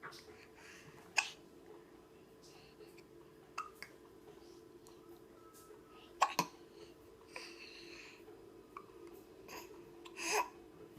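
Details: Twins with hiccups: a few sharp, brief catches spaced irregularly several seconds apart in a quiet room.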